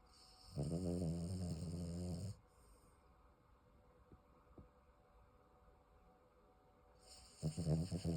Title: The snoring dog